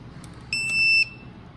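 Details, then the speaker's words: Start-up self-test of a powered air-purifying respirator (PAPR) switched on while donning protective gear before surgery on a COVID-19 positive or suspected patient: a short, loud, high electronic beep with faint clicks. "okay it's going to go through all the bells and whistles and do all the salt testing"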